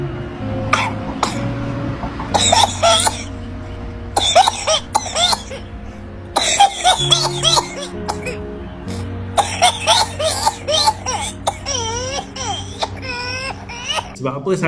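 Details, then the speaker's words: A child has repeated fits of rapid coughing followed by high-pitched drawn-in breaths, typical of whooping cough (pertussis). "satu penyakit pernapasan dan sangat mudah berjangkit melalui hidung dan kerongkongan dengan batu yang sangat seru diikuti dengan bunyi nyaring ketika menarik nafaskan tadi itulah contoh dia"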